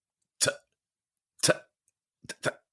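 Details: Male speaker imitating the childhood stammer he had in sixth grade, acted rather than current, with trouble on t sounds, which he links to shyness and anxiety rather than a physical cause: stuttering (sound repetition)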